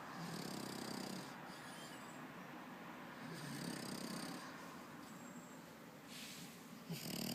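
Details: Continuous rough, rattling breathing noise with rhythmic snoring on each breath from a sleeping French Bulldog.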